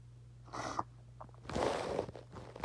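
A short indrawn breath followed by a hissing burst, a single sneeze, against a steady low hum.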